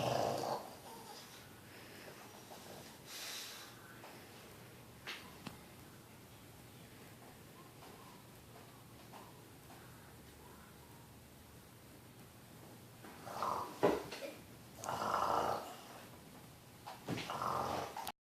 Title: my pug snores really loud